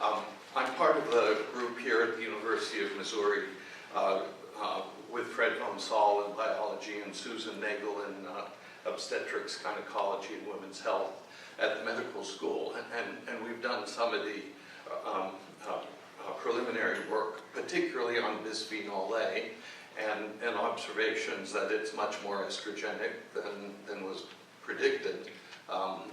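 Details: Adult male speaker with essential tremor affecting his voice and hands, which ended his surgical work; voice tremor (essential tremor).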